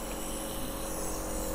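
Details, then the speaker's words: Portable compressor nebulizer with adult mask just switched on: steady low motor hum and constant whine, some but not excessive running noise. "On చేసుకున్నాం ఇక్కడ noise కొంచెం ఉందని చెప్పుకోవాలి మరీ అంత కాదు"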